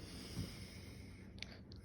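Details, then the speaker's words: Adult woman leaning forward and taking repeated deep breaths in and out during stethoscope lung auscultation: soft, low breathing with no crackles or wheeze, and her lungs are judged to sound good. Normal breath sounds. "All right, ma'am. Your lungs sound good."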